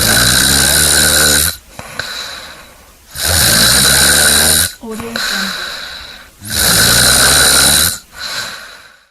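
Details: Loud, regular rattling snores on each breath in, about 19 a minute, with softer breaths out; sound-effect snoring from a compilation.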